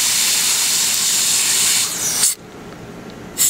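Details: Steady high hissing water spray from a Biolase Waterlase MD dental laser with a 9 mm tip during maxillary frenectomy on a patient, S mode, 1.25-1.75 W, 7% water and 11% air; cuts off abruptly when the water is turned off.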